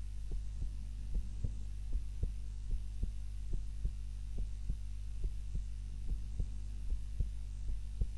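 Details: Heart sounds recorded during a daytime nap with a timer, lying on the back (supine) rather than the usual prone position: soft muffled thuds about 70 a minute, irregular at times, under a low hum; normal heart sounds.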